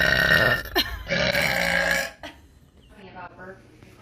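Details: Girl burping in a TikTok clip: a long, loud, rumbling burp of about two seconds, then quieter talk and music in the background; voluntary belch.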